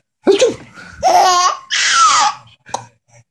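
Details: Sneeze amid a baby's laughter: laughing, then a single sharp sneeze-like burst, then more laughing.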